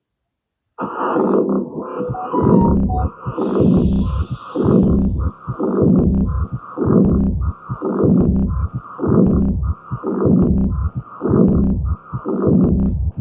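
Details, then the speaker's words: Aortic regurgitation: early diastolic murmur starting right after S2, with S1, S2 and the murmur each distinguishable. "Okay so this is the murmur of iotic regurgitation early diastolic murmur."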